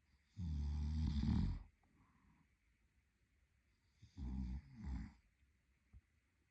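Deep, rumbling, rattling snores on two in-breaths, separated by quiet out-breaths: snoring during sleep.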